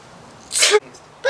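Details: Acted sneeze in a comedy sketch about sneezing stereotypes; one forceful, breathy burst ending in a voiced cry, followed by the start of speech.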